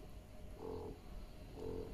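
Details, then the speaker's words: Slow, rhythmic low humming cycles, about one per second, over steady background noise from a Medela Swing electric breast pump in expression mode, which follows the faster letdown stimulation phase and draws milk into the bottle. "rhythmic pump and that's what actually draws the milk down into that funnel and into the bottle"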